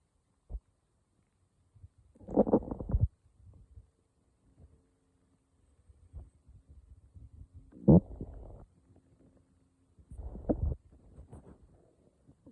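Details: Morning stomach growling: low gurgling, rumbling bursts from the belly, three main bouts with softer bubbling between; borborygmi.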